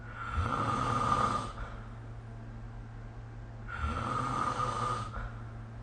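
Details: Snoring during sleep recorded with the SnoreLab app: two loud, rough inspiratory snores about 3.5 seconds apart with quiet exhalation between them.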